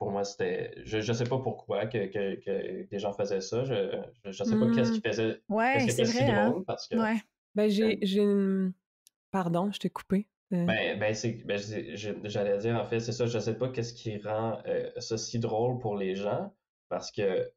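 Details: Stuttering in a young French-speaking man who reports mostly silent blocks and sometimes short repetitions.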